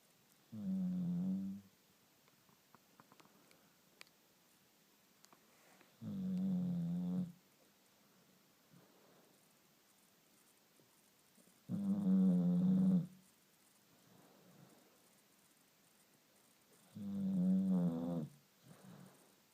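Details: Dog snoring like a human: deep, tonal, buzzing snores about every five to six seconds, roughly 11 a minute, during sleep in a quiet room.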